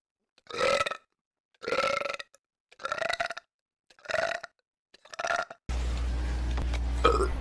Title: Streams Burps Compilation